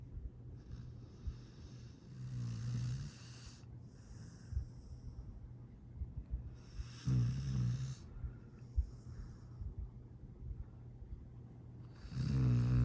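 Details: Sleeping dog snoring: low rumbling snores about twelve breaths a minute with soft noise between; sweet, happy sleep snoring.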